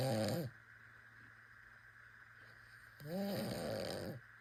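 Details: Harmless snoring in a sleeping infant: two soft, droning snore sounds on sleeping breaths with a quiet pause between.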